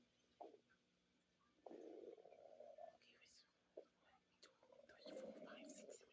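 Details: Quiet, irregular gurgling and rumbling bursts: stomach growling (borborygmi).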